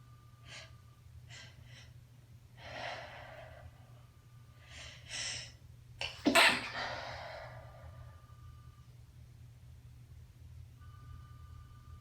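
Several soft, muffled sneezes with sharp intakes of breath before them, then one louder, half-held sneeze; stifled sneezing.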